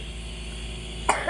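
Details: Cough from a person receiving steam inhalation for cough and colds, told to direct the vapour to the nose and push out the chest to inhale it.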